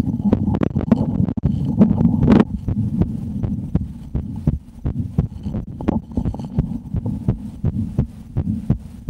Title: ASMR - Share Their Heartbeat Through A Steth